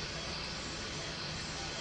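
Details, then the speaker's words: Pulsatile tinnitus: a loud, continuous roaring whoosh of turbulent venous flow through a lateral sinus stenosis near the ear, recorded by an intravascular Doppler sensor on a catheter. Blood velocity there is 80–100 cm/s versus a normal 10–20 cm/s. "grâce au doppler l'acouphène devient tout à coup audible pour tous voilà c'est ça que les gens qui souffrent d'acouphènes 17 ils entendent dans leurs oreilles"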